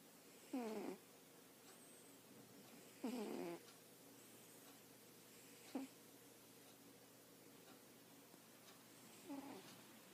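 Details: Cat snoring; recording quiet, volume must be turned up high to hear; snoring.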